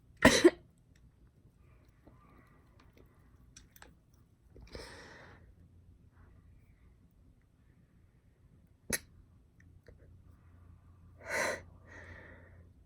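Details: Girl sneezing, from a sneezing compilation: a sharp explosive burst at the start, then quieter breathy bursts and a click in a quiet room; sneezes.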